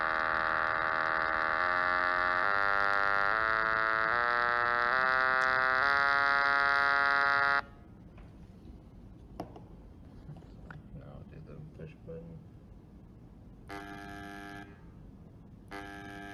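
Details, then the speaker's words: Electrolarynx buzz from a breadboard prototype of an improved ROMET electronic larynx (Bluetooth smartphone-controlled pitch and volume, rechargeable battery) for speech after laryngectomy: loud steady mechanical buzz stepping up and down in pitch, then short buzz bursts. "so here's a video showing the prototype in action using our breadboard prototype"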